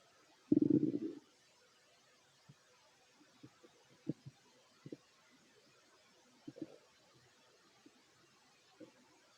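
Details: Fit adult male's stomach growling while eating: a loud low gurgling rumble followed by scattered soft gurgles and pops; ordinary borborygmi.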